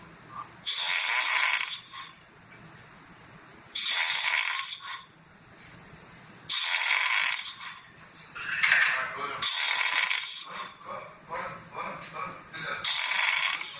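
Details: Snoring for almost an hour: rhythmic hissing, rasping breaths about every three seconds, around 20 a minute, with quiet pauses between them; snoring.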